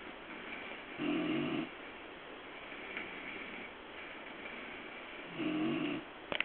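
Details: Two short raspy snores about four seconds apart, with soft breathing between them, from a sleeping cat.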